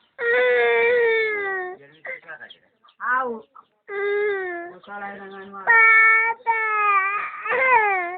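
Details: Long, loud wailing cries with sobbing catches between them: an ordinary crying child.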